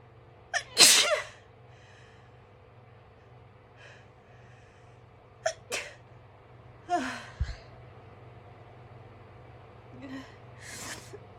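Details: Several loud, explosive sneezes, some with a brief intake of breath beforehand, over steady low room hum; sneezing while not allowed to blow the nose.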